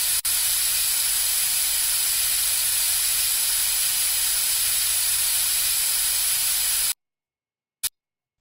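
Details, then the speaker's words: Dental air syringe giving a steady loud hiss for about seven seconds, then a brief puff, drying the teeth after rinsing and suction, before bonding orthodontic brackets for braces. "let's spray some air to get the teeth nice and dry can you handle that for me"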